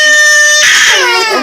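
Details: Crying babies left behind by their older brother: a loud, high-pitched wail rising then falling; ordinary infant crying.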